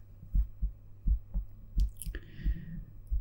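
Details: Regular lub-dub heart sounds at about 85 a minute with a brief handling rustle, the presenter's own heart through a stethoscope connected to a 3Dio binaural microphone; normal heart sounds.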